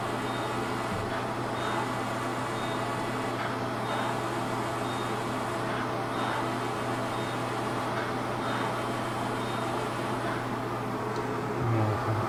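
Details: Fractional CO2 dot therapy laser resurfacing of an adult woman's hands and knuckles for sun damage, rough skin and pigmentation: steady machine hum and fan noise with faint repeating beeps.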